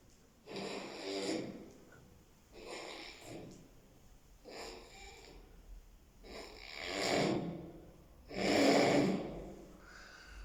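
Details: Loud, rough snores with breath noise from a sleeper, about five in ten seconds and growing louder: snoring.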